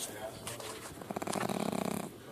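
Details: Sleeping puppy while a person sings to it: a fast, fluttering snort-like rattle during one breath, like a vibrating snore; snoring.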